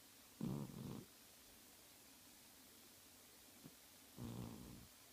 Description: My cat snoring and twitching while sleeping.